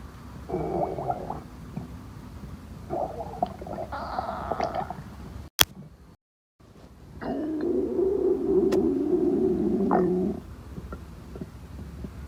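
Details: Long, drawn-out, loud gurgling stomach growls with a brief gap between them; stomach growling (borborygmi).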